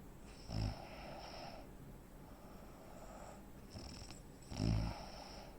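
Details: Real-life snoring from a 43-year-old man (85 kg, 165 cm) with obstructive sleep apnea: two low, rattling snores about four seconds apart, with breathing pauses typical of sleep apnea.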